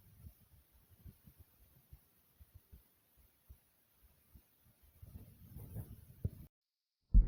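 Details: Relaxed resting adult heartbeat, recorded while relaxing: soft, steady low thumps around 70 beats a minute, then rustling; normal resting heartbeat.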